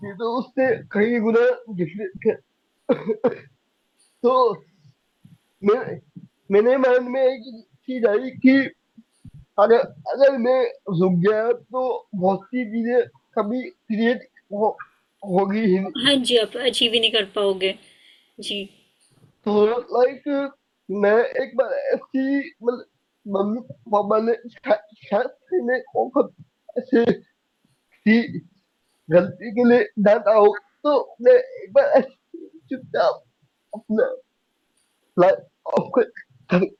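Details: Young adult man with cerebral palsy diagnosed at age 2, unable to speak as a child, still needing double effort to speak clearly; dysarthria (cerebral palsy).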